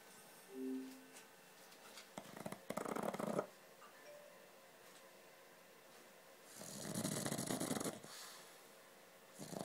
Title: My pug snoring